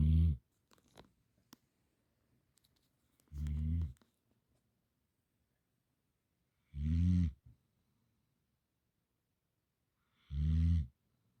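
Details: Sleeping dog snoring: three loud, low, rumbling snores a few seconds apart, each a harsh vibrating inhalation, in a quiet room.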